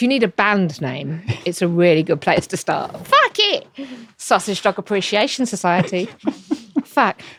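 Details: Tourette syndrome in an adult woman diagnosed in her early to mid 20s and a wheelchair user, with frequent involuntary vocal tics of repeated words and coprolalia.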